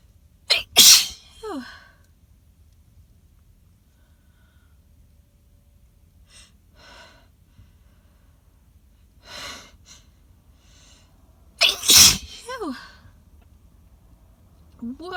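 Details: Sneezing fit in a car, described as loud, wet, intense; congested nose, pollen-provoked; two loud explosive sneezes with a sharp gasp before each and quiet sniffing between; repeated allergic sneezing.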